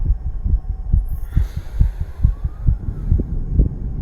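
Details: 34-year-old male under the influence of nicotine and cannabis, visible fast heartbeat: rapid, regular low thumping at roughly 130 beats a minute.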